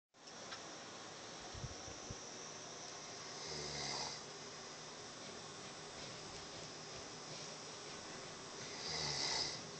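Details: Faint, low snores about every five seconds, partly masked by steady hiss and room noise; snoring during sleep.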